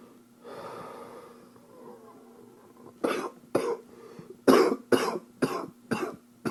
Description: From an upper respiratory infection from 2013.